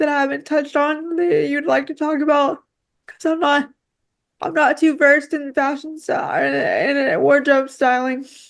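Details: Woman with quadriplegic cerebral palsy affecting her whole body, with frequent word and phrase repetitions; dysarthria from cerebral palsy.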